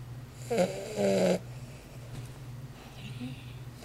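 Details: A Weimaraner dog snoring while asleep: brief, rough, vibrating breaths over steady room hum, then quieter breathing.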